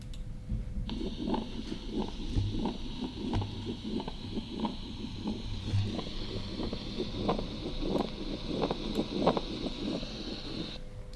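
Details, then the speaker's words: Scratchy, leathery scraping sounds repeating with each heartbeat over steady hiss, played as a demonstration of acute pericarditis: pericardial friction rub. "again please pericardial friction rub okay once again the last time okay very good so you hear pericardial friction wrap"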